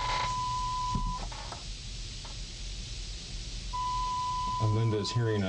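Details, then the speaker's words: Pure-tone audiometry by an audiologist on an adult woman, right ear tested first: steady pure beep tones with pauses between, quiet room sound and brief talk; she raises her hand for each faint tone heard. "hearing a series of pure tones. It's not a natural sound, but it's a sound that's easy to test with."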